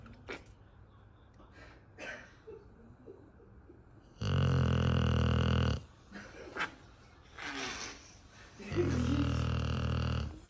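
Loud, deep, rattling snores lasting over a second each, with quieter breathing between them.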